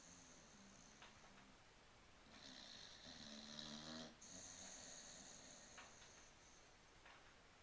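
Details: Sleeping dog snoring: quiet, soft rasping snores in a small room.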